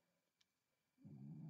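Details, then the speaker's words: A pet beagle snoring nearby: after a second of near silence, a low, rough, rumbling breath sound continues to the end. "my dog is snoring so if you hear that that's my dog miss a my beagle she's quite the snorer"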